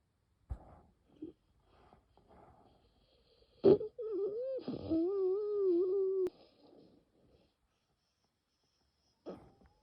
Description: bronchial spasm during a very severe nocturnal asthma attack without coughing. In the end, the bronchi slowly open up again thanks to the rescue medication.